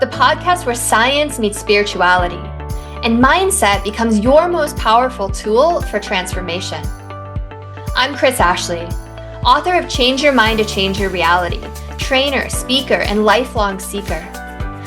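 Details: Adult host speaking over background music; normal speech.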